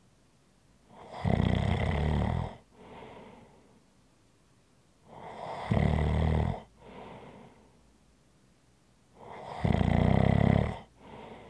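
Loud, rough snores on each in-breath, with a softer breath out between them, about 13 breaths a minute. Ordinary snoring.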